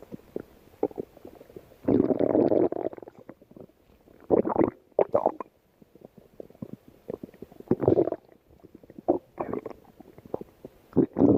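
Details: Stomach growling (borborygmi) from two people: irregular gurgling and rumbling bursts from gas and fluid moving.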